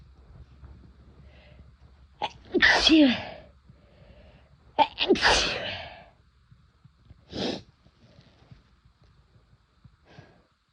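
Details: First-time use of chhinkni herbal snuff: two loud explosive sneezes, each preceded by a sharp inward breath, then a softer third burst.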